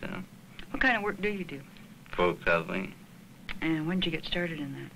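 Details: Adult clinician; normal speech.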